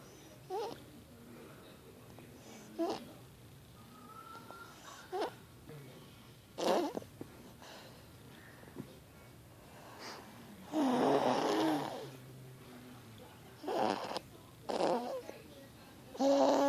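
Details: 5-year-old girl who snores like this every night: irregular noisy breathing bursts with rough snorting sounds in a quiet room.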